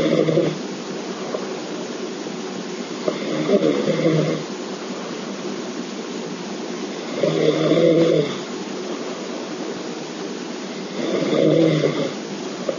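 Loud, rumbling snores about every four seconds, roughly 16 a minute, steady and regular.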